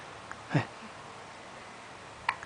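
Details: Baby hiccups: two brief, abrupt gulping sounds against quiet room noise.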